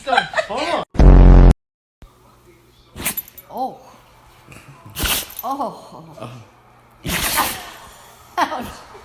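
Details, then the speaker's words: Dog sneezing: several short snorting sneeze bursts, with a loud burst of noise and room sounds between. "Willow, do you GOT TO SNEEZE? SALUD."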